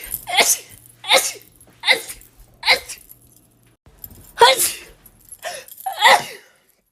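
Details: Woman's rapid sneezes, compilation: seven quick sharp sneezes in close succession with brief pauses between them; ordinary sneezing.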